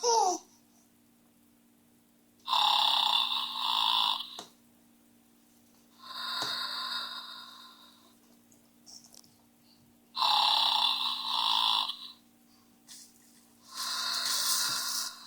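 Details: A horse snoring: loud, rough, rattling breathing noises that recur every few seconds, with quiet gaps between.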